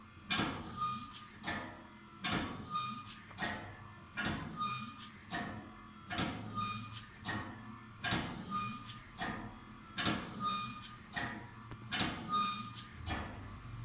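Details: Prototype low-cost mechanical ventilator cycling, with steady mechanical clunks and whirring repeating about every two seconds.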